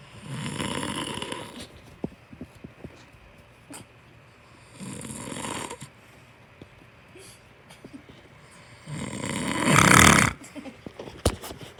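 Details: Snoring from the recorder's sleeping father: three harsh, raspy snores about four seconds apart, the last loudest, with small clicks and rustles between them.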